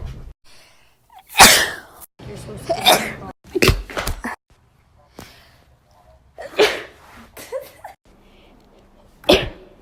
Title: 2k19 sneezes